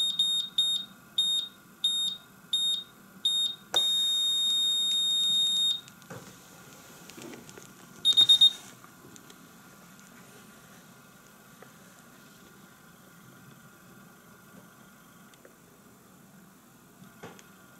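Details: Functional check of a Visomat OZ 20 fully automatic oscillometric blood pressure and pulse monitor: a series of short electronic beeps, then a long tone and a final burst of beeps.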